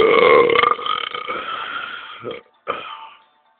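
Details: Burping recorded on a cell phone, with beer (Budweiser) mentioned: one long, loud, rumbling burp, a brief pause, then a second shorter burp.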